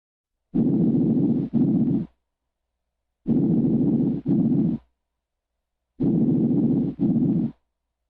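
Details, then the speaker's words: Three soft, even breath cycles, about 22 a minute, with no added sounds, heard over the lung apex; louder in early inspiration, softer as it continues; normal apical breath sounds. "los ruidos respiratorios son más fuertes sobre los ápices durante la inspiración temprana y se vuelven más suaves a medida que continúa la inspiración los ruidos respiratorios normales que se escuchan sobre el apec del pulmón suenan como sigue"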